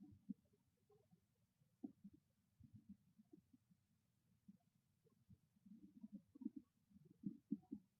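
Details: Hungry stomach growling: faint scattered gurgles and soft rumbling bubbles growing more frequent toward the end; quiet normal bowel sounds (borborygmi).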